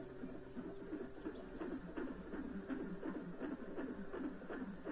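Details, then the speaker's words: Fetal movement on a home fetal Doppler monitor during a 30-minute session after eating, with possible contractions: irregular scratchy thumps and swishes over monitor hiss as the baby moves. "there are contractions that be happening and our baby can our baby will be moving you'll be seeing this shaking something like that what you're hearing it's when is"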